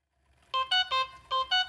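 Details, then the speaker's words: Corpuls cpr mechanical CPR device during a function test: repeating two-pitch electronic alarm tones because therapy cannot start while the locking lever is open. "An alarm message shows and I have to close the locking lever."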